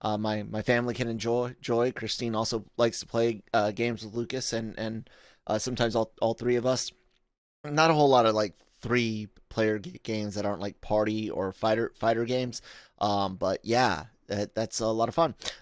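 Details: Adult male podcast host with self-acknowledged stuttering, in spontaneous speech with frequent word and part-word repetitions; stuttering.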